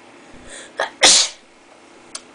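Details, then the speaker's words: A quick indrawn breath, then one loud, hissing sneeze and a faint sniff, deliberately triggered by tickling inside the nose with a rolled, twisted paper towel; single induced sneeze. "when you stick it up tickle your nose so like oh yeah you'll sneeze I'm gonna do the other side"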